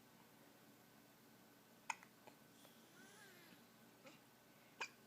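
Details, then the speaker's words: Two or three faint, sudden little gulping catches against soft background hiss, while a caregiver asks "do you have the hiccups, honey". Hiccups. "do you have the hiccups oh no not the hiccups honey"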